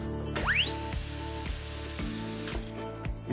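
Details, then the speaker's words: Dental turbine running: the turbine handpiece on a five-instrument dental cart with an integrated touchscreen gives a high whine that rises to a steady shriek, then winds down, over background music. "it is possible to create a new user doctor start to work with the turbine"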